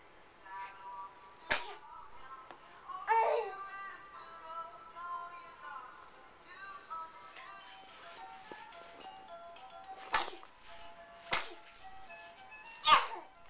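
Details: About five short, explosive sneeze bursts spaced apart over background music, from a sneeze montage; repeated sneezing.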